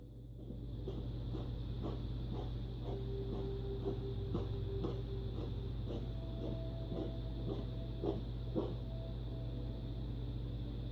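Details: A female cat coughing frequently for months, attributed by the vet to an allergy, likely to wet food, gives a run of short, dry hacking coughs about two a second over a low hum.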